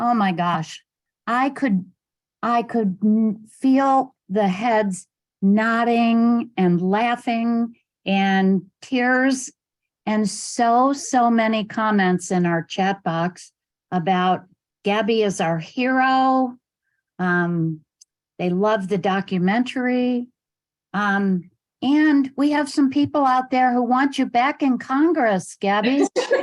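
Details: Adult woman speaking; normal speech.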